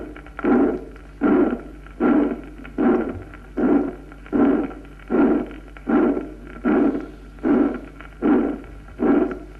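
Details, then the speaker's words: Regular heart cycles at about 77 a minute, each with a loud harsh blowing systolic murmur: a double systolic murmur, mid-systolic ejection from pulmonary stenosis plus early systolic from a ventricular septal defect. "vamos a escuchar un soplo mesosistólico de inyección pulmonar funcional en una comunicación interauricular primero y luego un doble soplo sistólico mesosistólico por estenosis pulmonar y protos sistólico por comunicación interventricular escuchémoslo"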